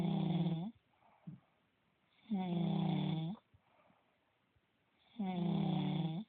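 Loud rhythmic snores with a buzzing, strongly voiced quality, three in about six seconds, quiet breaths between.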